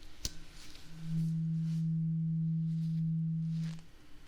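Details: Acted ASMR ear-exam role-play: a tap, then a struck tuning fork's steady low pure hum lasting about three seconds before fading, as the listener is asked to say when the sound stops; tuning fork hearing test.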